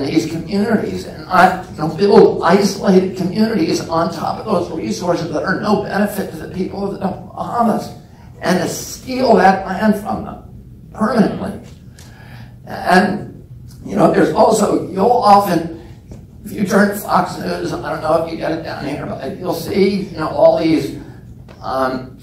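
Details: Real adult man with spasmodic dysphonia (he calls it spasmodic dystonia), onset at age 42 after a previously strong voice; he reports symptoms lessen or go away after speaking a while, and it is not painful. Finding: spasmodic dysphonia.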